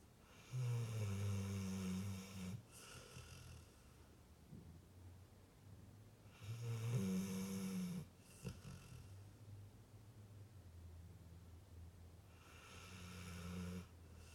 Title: funny pitbull sleeping and snoring !!!